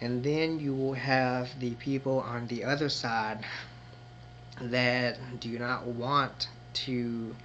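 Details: Adult man who identifies as a person who stutters and may show moments of disfluency; stuttering.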